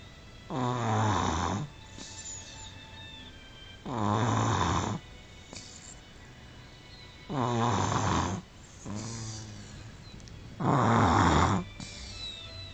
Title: 18 month baby snoring / 18 hónapos babánk horkolása